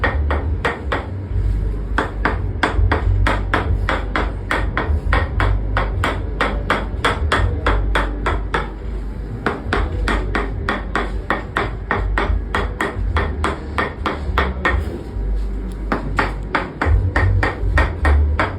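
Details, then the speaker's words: Rapid, even, sharp taps with brief pauses from a percussive tapping device worked over the back muscles during chiropractic treatment for back pain, said to produce sound waves releasing pressure in very hard soft tissues. "This vibration and sound removes the pressure in your soft disuse which is very very hard"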